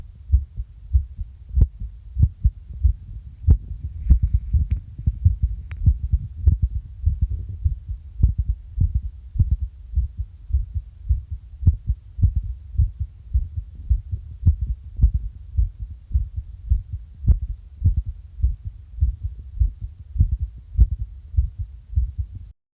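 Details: Regular low thumping heartbeats, about 100 a minute, recorded at the apex with a makeshift microphone in a first test, with some background hum.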